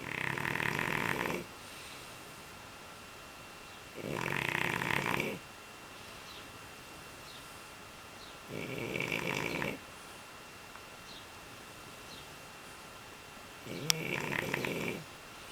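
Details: Dog asleep after playing outside for 2.5 hours: rough, rattling snores about every four to five seconds with quiet room noise between: loud snoring.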